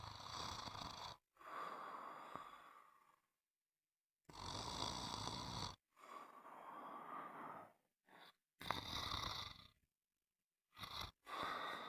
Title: Sound of snoring